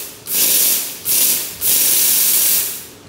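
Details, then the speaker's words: Desktop steam cleaner for dental or jewelry work, steam released by foot pedal once pressure is reached: three loud hissing bursts of pressurized steam, one with each pedal press; a normal working steam cleaner spray. "we can use the spray gun to spray the steam out and also we can use the stem to to knife the fish russell then press the foot pedal to get the steam out"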